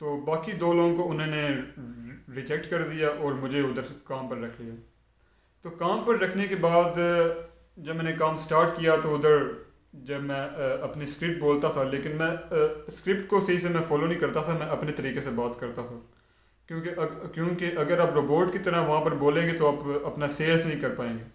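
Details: Adult man who stammers; stuttering.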